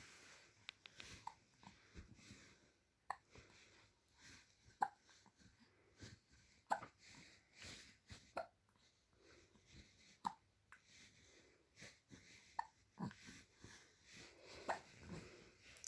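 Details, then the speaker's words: Hiccups in an infant nearly three months old: faint, regular, short jerky hiccups about every 1.5 to 2 seconds in a quiet room. "Is that a struggle with hiccup? Oh my God."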